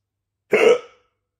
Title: Bad hiccups